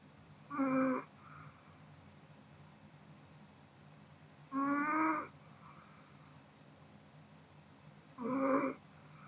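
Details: Sleeping Pomeranian snoring: three loud, buzzy snores about every four seconds, roughly 16 a minute, with quiet breathing between them in a still room.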